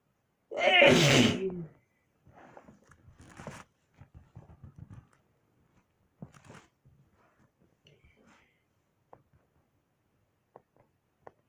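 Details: A single loud, explosive sneeze followed by faint breathing and small room noises, one of a week of recorded sneezes.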